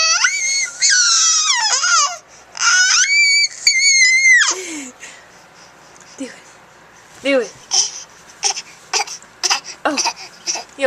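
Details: A 4-month-old infant squeals high-pitched, then gives a run of short, breathy, cough-like bursts: a playful voluntary fake cough.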